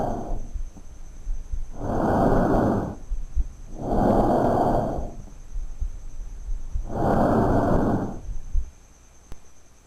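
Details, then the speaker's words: Normal tracheal breath sounds in a child, heard over the larynx and trachea on the front of the neck: loud, harsh, hollow blowing breath sounds with short pauses between phases. "topográficamente lo podemos ocultar a nivel de la laringe y la tráquea en la cara anterior del cuello en la parte dorsal del tórax también en la parte cervical se puede escuchar aunque de con menor intensidad escuchemos un ejemplo de un niño"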